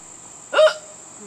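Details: Adult woman (mother) hiccuping outdoors while dragonflies swarm: one sudden voiced hic over steady insect buzzing; hiccups.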